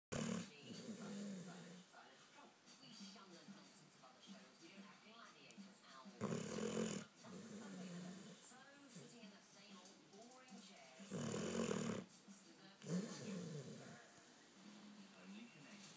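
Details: Tired, sleeping pet dog nicknamed for her pig-like noises, rough, rattling snores at irregular intervals with snuffly breathing between: snoring.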